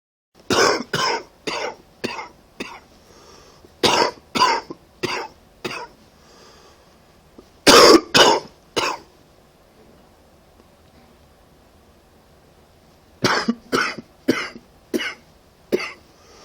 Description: Coughing because of a cold.